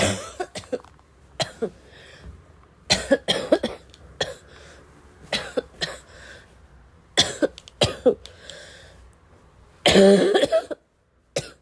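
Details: Acted wet, chesty cough: repeated harsh coughs in bursts with throat clearing, snorting and sighs.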